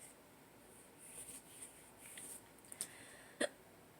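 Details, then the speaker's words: Hiccups on waking, possibly after drinking too much the previous day: a few brief, abrupt catching sounds in a quiet room, the last one sharpest. "I may have drank too much yesterday. And I woke up with hiccups."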